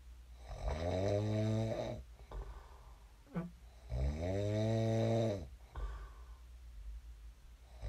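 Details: Person snoring during sleep, recorded as snoring ASMR: two long, loud, rumbling inhaled snores with quiet breathing between; ordinary heavy snoring.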